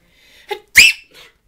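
A quick indrawn breath, then one sharp, hissing explosive burst that fades with a short breathy tail: a single sneeze.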